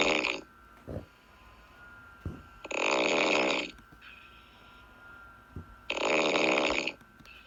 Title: #snoring #snoringasmr #snoringsleepingsoundeffect #sleepnoises #snoringsounds